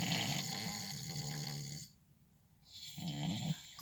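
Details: Adult man snoring while asleep at night, recorded from a truck: two loud, low, rumbling snores separated by a brief quiet pause. Ordinary snoring.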